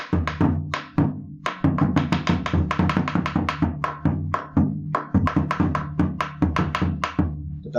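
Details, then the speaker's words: Simulated on a drum: beats at uneven, unpredictable intervals imitating the irregularly irregular rhythm of atrial fibrillation. "sobre todo si hay una arritmia regular como una como la s a que la típica reina regula la fibrilación atrial donde por escuchar algo así"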